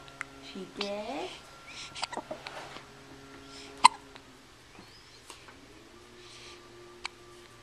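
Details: Recorded on a Flip Video camcorder: a girl's hiccups, sharp abrupt clicking gulps recurring every few seconds over steady room hum and a brief voice.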